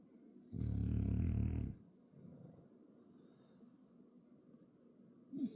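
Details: French bulldog: one deep, rumbling snore followed by softer snuffly breathing; snoring in a flat-faced dog.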